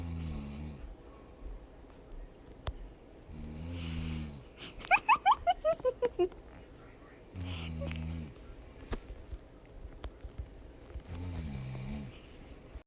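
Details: Adult woman snoring during sleep: steady, low, buzzing snores about every 3.5 seconds, around 17 a minute, interrupted partway by a burst of sharp, rising squeaky sounds.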